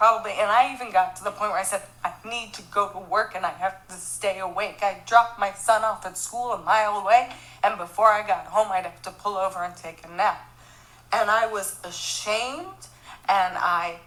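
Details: Spasmodic dysphonia in a 46-year-old woman, attributed by the narrator to her aggressive multiple sclerosis.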